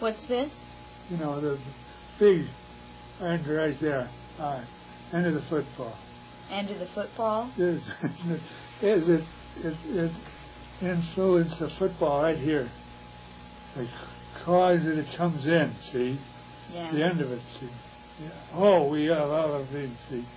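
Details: Patient with Wernicke's aphasia producing fluent speech lacking meaning; Wernicke's aphasia.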